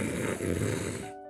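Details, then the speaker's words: Single imitated snore, a brief low fluttering rattle from vibration of the upper (nasal) part of the airway, the type of nasal snoring said to respond to a nasal dilator: nasal snoring, imitated. "자, 비강 확장기를 써야 될 코를 넓혀주는 코 제품을 써야 되는 사람들은 코골이 소리는 코골이 소리가 날때이 윗부분이 떨립니다."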